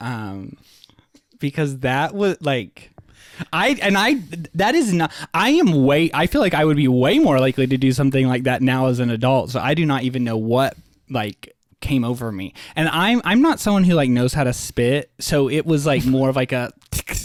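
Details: Adult male with a lifelong stutter, much worse as a child and less frequent now, with blocks and awkward pauses, using 'like' to get out of a stutter; stuttering.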